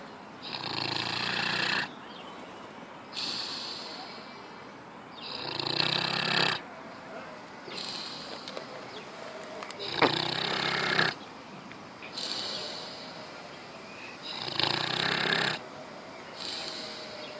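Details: Sleeping pig snoring loudly: harsh, rough, snorting rattling snores, about four breaths in 17 seconds, quieter breathing between.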